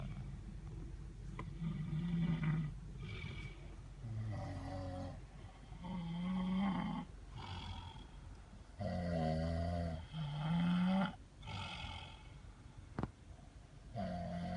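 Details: Loud, rough, low vibrating snoring at about 14 per minute with uneven timing and some higher buzzing inhalations, recorded while sleeping overnight in a car, with a steady background hum.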